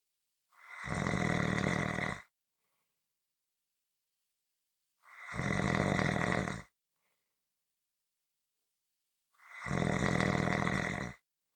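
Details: Loud, harsh snores about 14 a minute, each over a second long, with near silence between; snoring.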